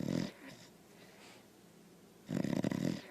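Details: Sleeping Pepe snoring: two low, fluttering snorts a couple of seconds apart with quiet breathing between: snoring.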